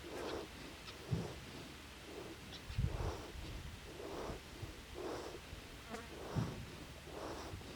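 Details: Sleeping foal (young horse) on a ranch snoring: soft, rhythmic snoring breaths about every second, faint outdoor buzzing in background; snoring.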